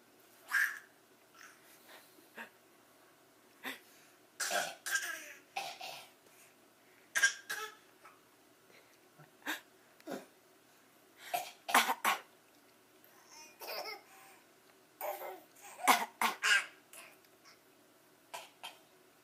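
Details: Young child imitating adults' coughing: repeated short, dry voluntary fake coughs and throat clears after adults coughed for real.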